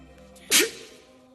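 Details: A single sharp, hissing sneeze over a quiet musical background.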